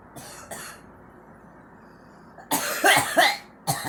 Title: girl coughing